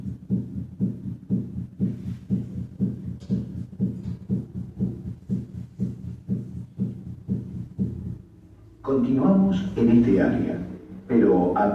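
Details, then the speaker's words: Normal first and second heart sounds at the tricuspid area at about 120 beats per minute, S1 louder than S2, played as a teaching example in a veterinary cardiology class. "escuchemos ahora el primero y segundo ruidos normales en el áa tripia nótese que s1 es más sonoro que s2"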